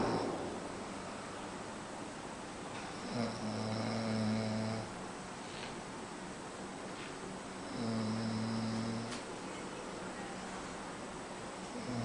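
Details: Man snoring heavily in his sleep: two slow, rumbling snores on the in-breath, about 14 breaths per minute, with quiet room noise between them.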